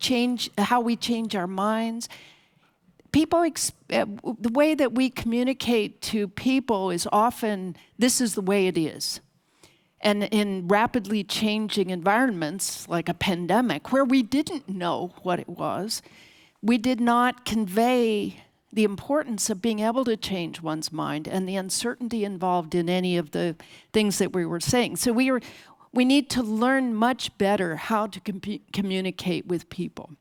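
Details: Adult female speaker; typical speech.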